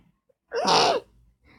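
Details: A girl sneezing with her eyes open: a single sudden, loud, breathy sneeze burst lasting about half a second.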